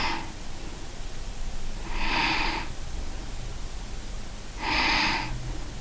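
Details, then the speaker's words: Simulated breathing imitated by a physician in a clinical pathology class: soft, gentle, subtle breaths with pauses, like very soft snoring, illustrating compensatory hypoventilation in metabolic alkalosis. "Es como cuando están durmiendo, ¿no? Exacto, les iba a decir, bueno, como cuando están ustedes roncando, no es que como tienen el micrófono cerrado no se escucha, pero es un ronquido muy suavecito, muy sutil y pausado."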